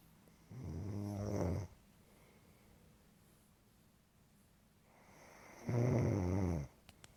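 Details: Snoring: two deep, rumbling snores about four seconds apart, separated by quiet breathing.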